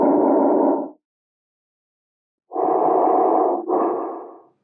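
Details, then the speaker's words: Normal bronchovesicular breath sounds on posterior chest auscultation between the shoulder blades: rushing sounds mixing bronchial and vesicular qualities, with inspiration and expiration of equal length. "ruidos broncodiculares son una mezcla de ruidos bronquiales y murmullo vesicular"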